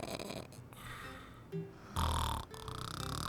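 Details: Loud, rough, low snorting breaths from a husband over background music in an advertisement: snoring.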